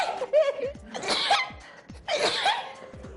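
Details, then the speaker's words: Allergy sneezing in a person who says they have allergies and takes no medicine for them: two forceful sneezes with a brief pause between, amid light talk and laughter; the sneezing reportedly stops when the other person walks away. "you must be allergic to me though it's not you i promise it's not you this is crazy let me just try walking away for one second see look now you're not sneezing"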